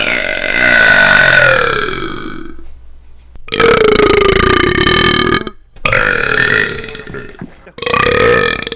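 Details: Person burping while gaming: long, loud, drawn-out belches in quick succession, four in under nine seconds; repeated burping.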